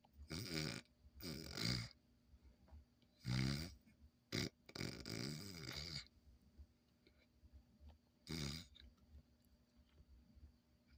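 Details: Irregular snorting, rattling breath noises in uneven bursts with quiet gaps from a sleeping Schnoodle puppy; ordinary puppy snoring.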